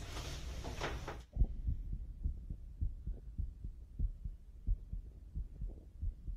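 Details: Male athlete at pre-competition sports checkup, at rest, somewhat nervous; regular clear lub-dub heartbeats, slightly fast, no extra sounds; normal heart sounds at rest (simulated roleplay recording).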